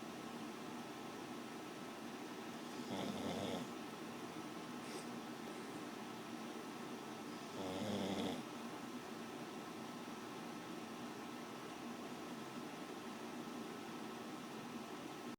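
Two slow, rattling snores about four seconds apart over quiet room hum, each a rough buzzing breath; snoring during sleep.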